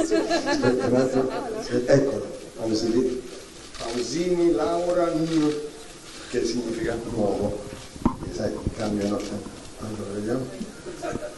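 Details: Adult male speaker; Normal speech.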